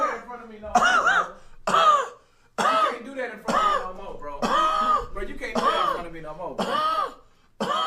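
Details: An adult streamer coughing uncontrollably in a run of about eight loud, strongly voiced bursts with brief pauses; a coughing fit.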